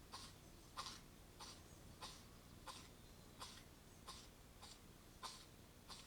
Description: The male of the local fox family spends some time in front of the camera. And he has quite the sneeze attack!